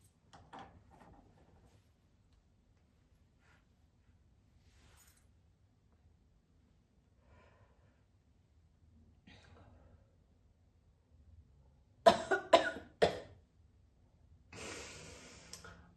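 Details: Mature adult woman smoking a cigarette, heard as mostly quiet, then a burst of three harsh coughs and a long rough exhalation; a real smoker's cough.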